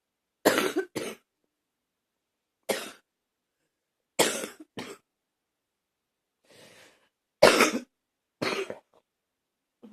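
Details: Repeated harsh coughs, about eight bursts, often in quick pairs with short pauses between, in a quiet room: a bout of coughing.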